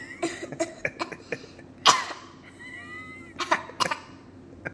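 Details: Several short, sharp coughs from a young girl who says she feels sick, with some room noise; cough.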